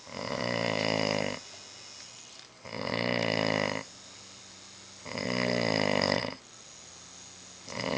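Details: Habitual snoring: loud, rattling snores on each breath in, about one every two and a half seconds, with quieter breathing between them.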